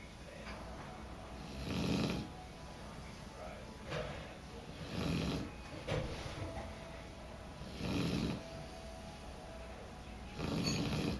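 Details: Black lab/border collie mix puppy snoring while asleep with eyes open: loud, rattling breaths about 20 a minute with quieter sounds between; a harmless finding.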